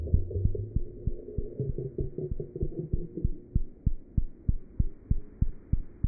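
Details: Cat heart sounds through a stethoscope: rapid, very regular low thumps at roughly 190 beats a minute with a soft background hum.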